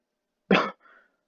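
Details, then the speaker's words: Adult not fully recovered from mild flu, nose a little stuffy: brief cough. "yeah, you see that cough there? That's just a little thing."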